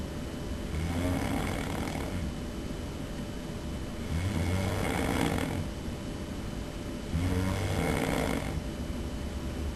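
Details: Snoring in a man during sleep, recorded by his roommate: loud, rumbling snores on each breath in, about three in ten seconds, over steady room hum; heavy snoring.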